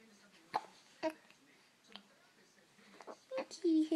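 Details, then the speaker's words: Baby boy with hiccups: brief, sharp little hiccup sounds repeating every second or so, with soft infant noises in a quiet room. "Why does he have hiccups? Why has he got hiccups? He's so cute though. He's so cute when you have them though."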